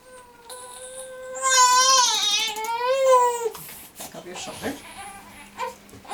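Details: A 3-month-old triplet girl (3 weeks corrected age, extremely constipated) cries during a chiropractic Koren Specific Technique adjustment: a high, clear wail of a few seconds breaking into whimpers and fussing; an ordinary infant cry.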